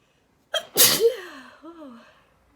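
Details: A short indrawn breath, then one forceful sneeze and a trailing voiced sigh, from a person wearing a detox face mask who cannot touch or blow their nose; a single ordinary sneeze.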